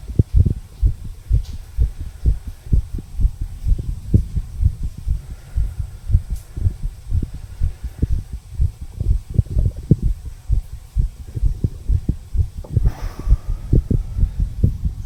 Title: Heartbeat Recording of 34 Year Old Male. Tricuspid Valve Area, Visible HeartBeat.